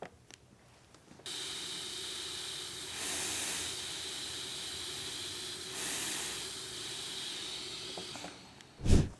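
Steady airy hiss of a running CPAP nasal mask, swelling twice as simulated breaths pass through.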